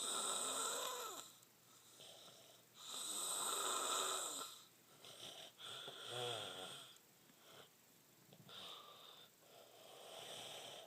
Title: Strep throat snoring I'm not gonna get much sleep